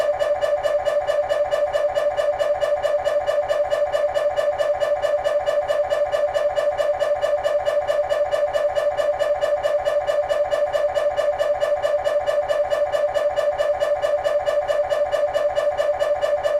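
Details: Scanner noise from a GE 3T MRI of the petrous bone (Felsenbein): a steady, very regular rapid knocking buzz at about 136 pulses a minute during an axial diffusion-weighted (DWI) sequence.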